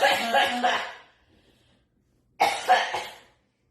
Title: tiktok cough comp 5